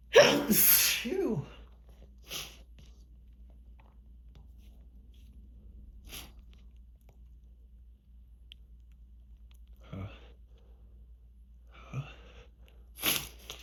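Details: A loud sneeze followed by a string of smaller sneezes and breathy sniffs; repeated sneezing from grass pollen allergy at the end of spring season, without medication for several days.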